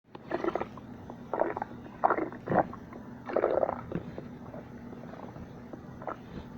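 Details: Gurgling, rumbling bursts of stomach growling over a low steady background hum: ordinary bowel sounds (borborygmi).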